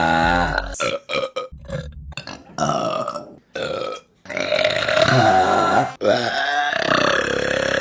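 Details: Compilation of women burping: a series of loud, drawn-out, voiced belches with short gaps between them; burping.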